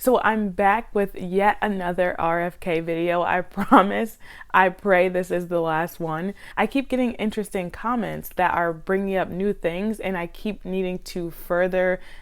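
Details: Adult woman; normal speech.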